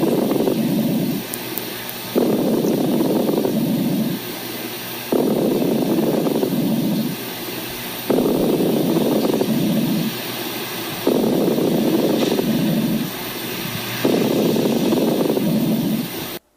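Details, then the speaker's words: Fine and medium crackles (crepitations and subcrepitations): regular breaths at about 20 a minute with bubbling crackles through each long, loud inspiration; crepitations alveolar, subcrepitations from terminal bronchi and alveolar sacs, in a chest auscultation teaching demonstration. "entonces hay otros y otros sonidos que pueden ser más evidentes que son estos podremos catalogarlos como burbujas finas y otros que son burbujas un poquito más moderadas y estos serían los suv crepitantes vamos a escucharlos"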